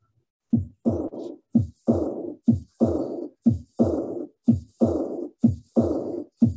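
Heartbeat at about 60 a minute; a loud second sound is followed by a soft, blowing, fading diastolic murmur: aortic regurgitation.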